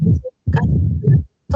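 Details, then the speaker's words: Mitral stenosis diastolic rumble: low-pitched rumbling between the heart sounds, as the atrium pushes with greater force and pressure to drive blood through the narrowed mitral valve into the ventricle. "va la aurícula va a ejercer mayor fuerza, mayor presión para tratar de inyectarlo hacia el ventrículo y eso también va a generar el soplo. A continuación lo vamos a escuchar."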